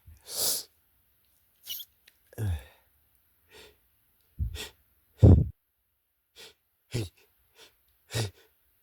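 A run of short, muffled sneezes with quick breaths between them, held back rather than released fully.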